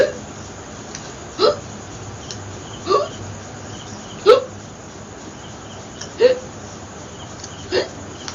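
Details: Six brief, sharp catches of breath at uneven spacing, about 30 a minute, in a quiet room during a long hiccups challenge: repeated hiccups.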